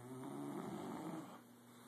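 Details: One short, rough, rattling snore that fades out, over low room noise; snoring in a sleeping bulldog, two bulldogs present.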